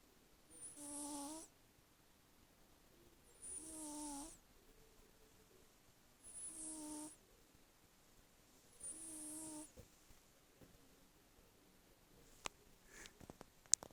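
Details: A sleeping kitten snoring for the first time: four soft, hissy breath sounds with a faint tonal whistle, each about a second long, recurring every 2.7 seconds or so.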